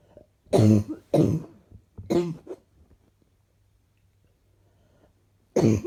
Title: Few clips of what I woke up with this morning. Slightly chesty coughing